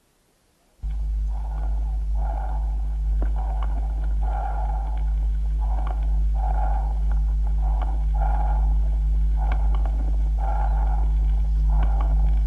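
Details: Harsh, hollow, blowing breath sounds on stethoscope over the chest: tubular bronchial breathing, transmitted through consolidated lung.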